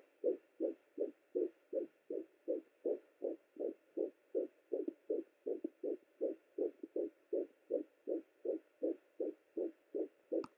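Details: Fetal heartbeat on Sonoline B Doppler at 10 weeks 5 days of pregnancy, first baby: rapid, regular whooshing pulses at about 160 beats per minute.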